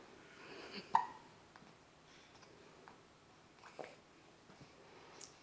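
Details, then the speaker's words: Hiccups in an about 3.5-week-old baby girl after a fussy day: two brief, sharp hiccup sounds with faint fussing in a quiet room. "yeah we were a little clicky today and here comes the hiccups yeah those are the hiccups with her monkey toes"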